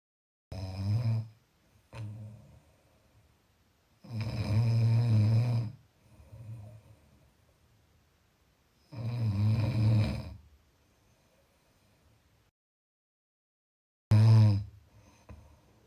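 Loud, low rattling snores on each in-breath, about four in fifteen seconds, separated by quiet out-breaths.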